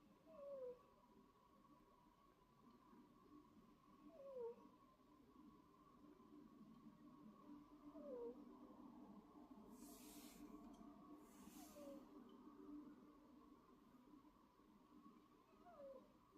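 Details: Wheezing in a sleepy female cat: a short, high, squeaky falling note about every four seconds, one with each breath.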